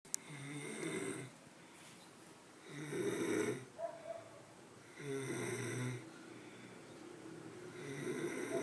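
Rough fluttering snores on in-breaths with quieter pauses between, about 20 breaths a minute; snoring.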